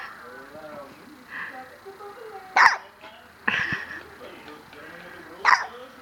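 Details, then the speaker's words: Baby girl with hiccups while falling asleep: three abrupt, sharp hiccups, each a sudden catch of breath, spaced a few seconds apart over soft background voices. "falling asleep with the little hiccup. She is out."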